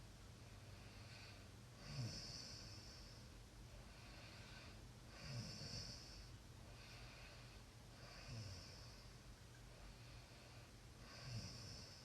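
Rhythmic snoring snorts about every three seconds, roughly 20 breaths a minute, over steady hiss; snoring.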